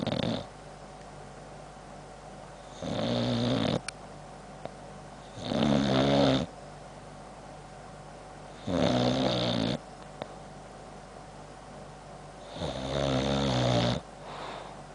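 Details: Boxer dog with heavy jowls snoring while asleep: loud, rumbling snores on each in-breath, about four in fifteen seconds, with faint clicks of his chops between.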